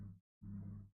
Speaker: Are you snoring? You are, aren't you, bastard? One of my dogs is snoring.